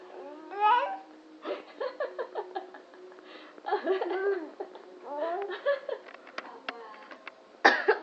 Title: funny baby boy learning to cough like adult